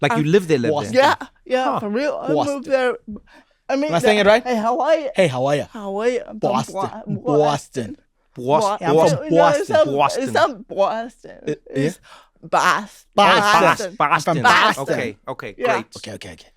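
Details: Adult female comedian with cerebral palsy, real conversational speech; dysarthria (cerebral palsy)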